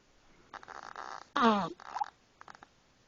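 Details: Snoring from a little duck: rough, fluttering breath noises with one louder buzzing snort.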